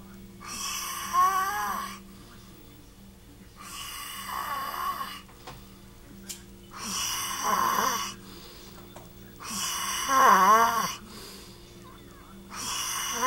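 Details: Rhythmic, rattling snores about every three seconds, roughly 20 a minute, with a steady room hum; a recording of a man snoring played back and re-recorded with him snoring again, so two snores overlap.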